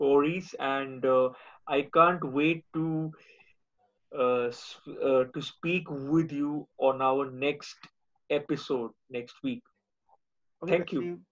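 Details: Adult male speaker; ordinary speech.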